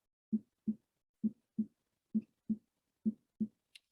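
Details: Paired low thuds at about 66 a minute, with an extra soft sound just before the first: an S4 gallop, heard right before S1 ("Tennessee" rhythm), played in a heart failure lecture.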